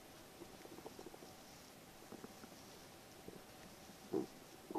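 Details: Adult's stomach in the morning, several recordings edited together: soft, irregular gurgles and bubbling pops, ordinary active bowel sounds.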